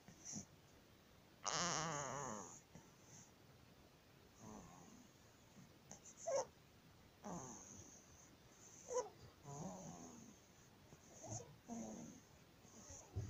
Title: Stridor baby 19 days#laryngomalacia part 2#laryngomalacie partie 2#الصرير الحنجري الجزء ٢